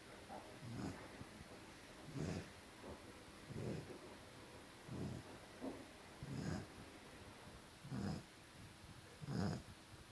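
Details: Sleeping dog Aapeli snoring: low rumbling snores with each breath, about 21 breath cycles a minute, with softer snorty exhalations; the snoring reportedly grew louder and louder after the recording.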